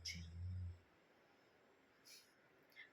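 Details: A husband snoring in his sleep around 12:30 at night: a deep, low, rattling rumble lasting under a second on one breath, then quiet and soft airy breathing.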